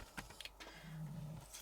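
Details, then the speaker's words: A pet snoring in the room while someone crafts; its usual snoring sound, possibly barely picked up by the camera. "now if you can hear snoring um it is the usual sound off lady when she is in here with me so i do apologize she really is going for a lot of there"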